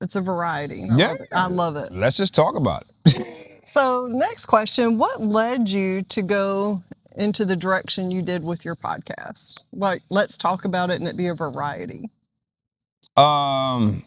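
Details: Adult speakers in conversation; normal speech.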